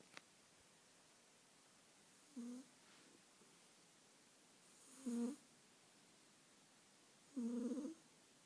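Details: Persian cat snoring: three soft, short snores at irregular intervals in a quiet room while sleeping.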